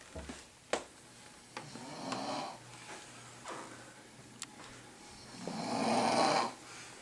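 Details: Adult snoring: rough, rattling breath noise swelling and fading in quiet room noise, with a few clicks and bumps.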